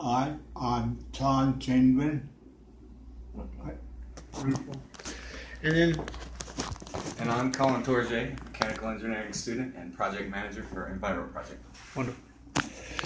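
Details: Adult man with aphasia after a stroke nine years earlier, with complete right-sided weakness; aphasia.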